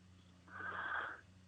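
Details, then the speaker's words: Very large bulldog during a phone interview: single rough, rasping snore-like breath heard over a low line hum; snoring. "si vous entendez des ronflements, c'est mon très gros bouledogue, alors ne vous laissez pas déranger"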